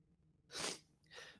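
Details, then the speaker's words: Race commentator with a head cold who sounds stuffy: one brief, sharp, airy sneeze followed by a softer exhaled rush, recorded at low level. "a little bit of a head cold. I do apologize if I sound a little bit stuffy, but hey, we're fighting through just like everybody else."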